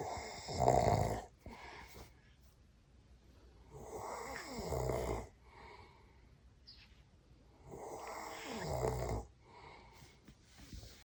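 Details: Loud, rough, rattling snoring from a father, recurring about every four seconds with quiet pauses between breaths; the snoring woke the baby.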